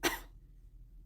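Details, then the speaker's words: Acted demonstration of a cough in an English-conversation lesson about sneezing and sore throat: a single short, harsh adult cough burst, then quiet room noise. "are you coughing at all what do you mean by coffin coffin is like this"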